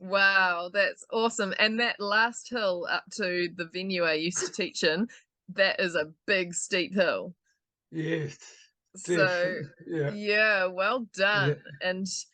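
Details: Adult woman speaking; typical speech.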